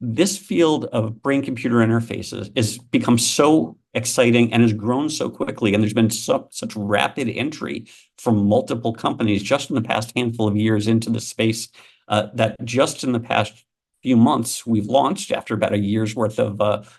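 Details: Adult male speaker; normal speech.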